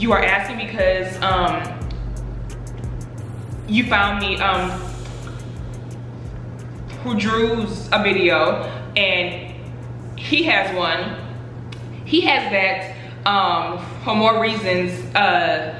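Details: Adult woman who stutters, speaking about her own stutter; stuttering.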